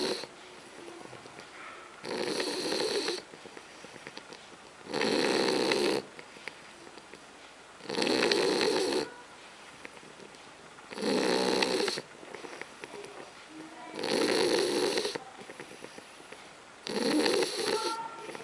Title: ronflement bouledogue français 打鼾的法国斗牛犬 snoring French bulldog フレンチブルドッグのいびき